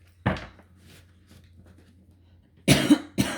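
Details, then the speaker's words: Three short, harsh cough bursts from an adult woman who says she is still coughing a little and has lost her voice, separated by a quiet pause with faint room hum. "Désolée, je tousse encore un peu et j'ai la voix pétée. J'espère que c'est pas trop désagréable."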